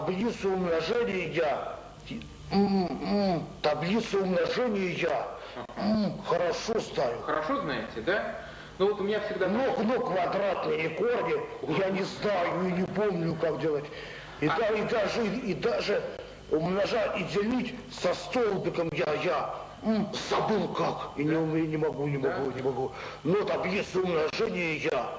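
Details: Adult male with mild intellectual disability (debility) in a 1995 psychiatric interview, real patient, thinking and speech impaired together with concrete thinking and template phrases; speech impairment in mild intellectual disability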